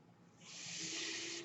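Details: Real podcast recording in which the speaker explains that the noise heard is his own mechanical ventilator; a quiet pause gives way to a steady, airy hiss with a faint low hum as the ventilator pushes a breath; mechanical ventilator noise.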